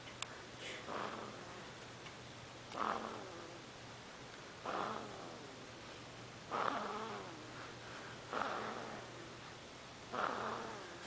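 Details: Snoring in a 2½-week-old baby girl asleep slumped over in a pillow: soft, nasal snoring on each breath, about 32 breaths a minute, over a faint steady room hum.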